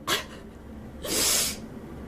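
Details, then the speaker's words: Person sneezing repeatedly, two short, loud, hissing bursts in quick succession; they say there must be fuzz in their nose, it keeps tickling and they cannot stop sneezing. Sneezing. "There has to be a fuzz in my nose. It keeps sneezing and my nose keeps tickling."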